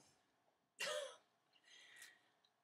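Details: Adult woman with Tourette syndrome diagnosed at 13, tics since about age 8 persisting into adulthood, throat clearing among her tics; vocal tic (throat clearing).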